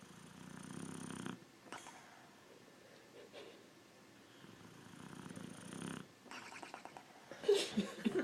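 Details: Soft, rumbling snores in slow, repeated breaths from a sleeping pet, with a few small noises near the end.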